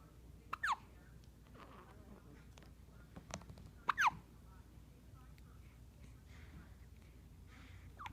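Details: Newborn girl with two short, sharp hiccups about three seconds apart and faint catches between, in a quiet room; hiccups.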